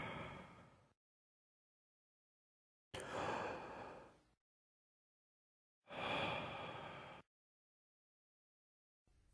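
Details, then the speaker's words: Bronchial breath sounds heard by stethoscope over the chest: loud, hollow, high-pitched blowing breaths with a clear gap between inspiration and expiration, as in consolidation from pneumonia, top of a pleural effusion or dense fibrosis. "bronchial breath sounds are found when normal lung tissue is replaced by uniformly conducting tissue and the underlying major bronchus is patent"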